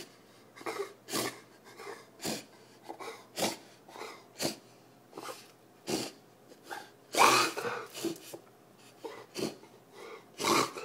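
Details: Kennel cough in a dog named Kyla: a rapid run of short, harsh, hacking coughs.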